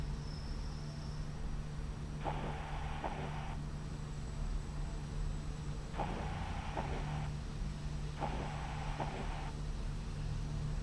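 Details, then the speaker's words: Systolic murmur, presented as a heart finding in aortic valve stenosis: heart sounds with a harsh whooshing murmur filling the gap between the first and second heart sounds. "primer y segundo ruido en este caso es un soplo es un soplo sistólico entre el primer y segundo ruido"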